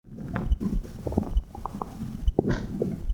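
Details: Bowel sounds recorded with a phone microphone placed on the belly button: low gurgling and rumbling with squeaky bubbling pops, with heartbeat also noted; ordinary stomach rumbling.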